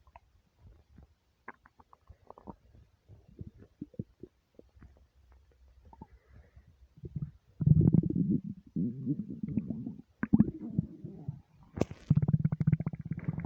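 Irregular gurgles build into long, deep rumbling and churning; ordinary stomach rumbling from an empty stomach.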